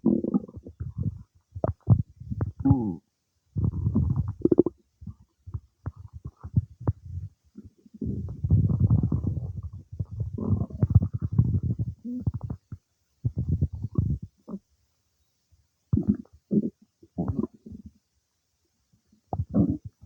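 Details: Bowel sounds some time after eating cake: low gurgling and rumbling bursts from the abdomen, ordinary borborygmi of digestion.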